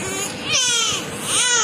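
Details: A 45-day-old baby girl cries for milk with repeated high, wailing cries: infant hunger cry.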